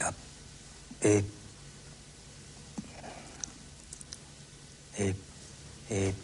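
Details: Man in January 1977, then with a severe stammer, naming objects on request; stammering.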